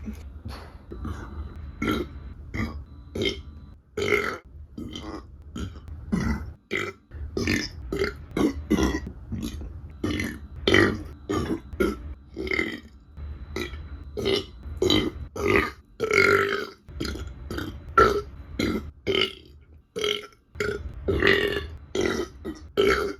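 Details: A long series of short, small burps in quick succession while eating: ordinary belching (eructation), from a burping compilation.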